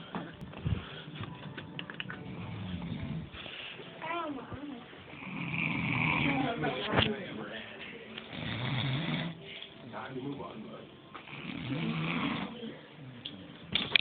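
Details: Prolonged snoring: irregular rumbling, fluttering snores heard under background talk and room noise.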